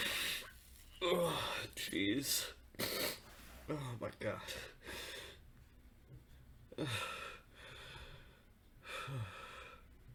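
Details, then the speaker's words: A male feeling a persistent nasal tickle and about to sneeze, with repeated sharp, breathy in-breaths and catches of breath building up before the sneeze, in a quiet room; gasping. "I feel like I'm gonna sneeze. It tickles so bad. It's driving me crazy."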